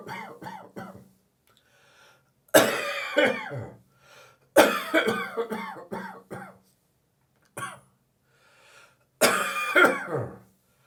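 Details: Dry cough: an adult gives about five bouts of dry, throaty coughing with quiet pauses between them, the morning after drinking more beer than is good for him in the evening.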